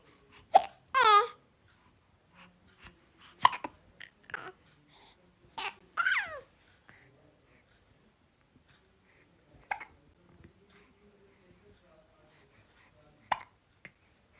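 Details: Baby girl hiccuping, with filter effects on the clip: about five brief, sharp hiccups over roughly 14 seconds, mixed with soft babbling and fussing.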